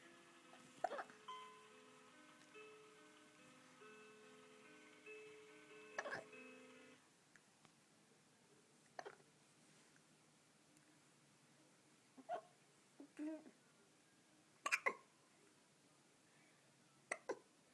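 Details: Repeated short, sharp hiccups from a 2-month-old baby, roughly every two to three seconds, with soft music early on.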